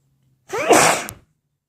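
A single loud, wet-sounding sneeze after a short in-breath, then silence.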